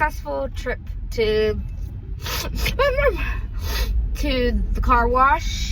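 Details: Person with Tourette syndrome, with a snort likely a vocal tic; vocal tics (Tourette syndrome).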